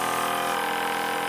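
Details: Steady, even motor hum and whine of a PM65 EasyGoVac portable AC/DC suction aspirator running at a constant level, with the tubing occluded while the vacuum pressure is set by the top knob.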